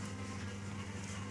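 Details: Steady low mechanical hum of a nebulizer compressor delivering vapour treatment for a child's cough and shortness of breath.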